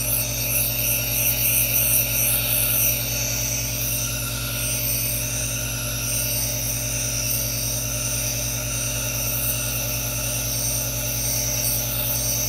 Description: No talking ASMR | white noise aerosol nebulizer for relaxation in calming blue light to draw attention to the hypnotizing vapors, with some hand movements if you're watching while listening.